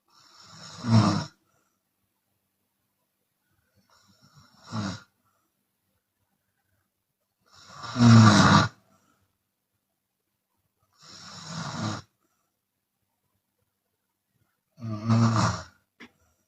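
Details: Chinese woman snoring with her mouth open during sleep, sometimes exhaling audibly: loud, rough snores about eight a minute with silent gaps between; open-mouth snoring.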